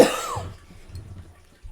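A single brief cough that fades into quiet room noise, from a person with a common cold.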